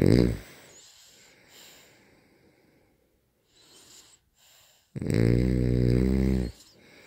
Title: Snore loud